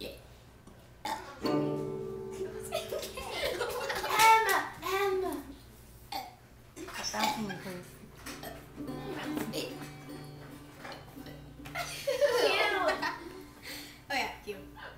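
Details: Two children deliberately belching a sing-song ABC song as a mock talent-show act, recorded with a Flip Video camcorder: long, drawn-out burps with giggles and chatter; voluntary burping.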